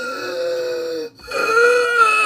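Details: An adult imitates a mother's wheezy, gurgling breathing (thought to be a chest infection, sounds like drowning in fluids, uses a blue inhaler): two drawn-out whistling, rattly breaths with a pause between.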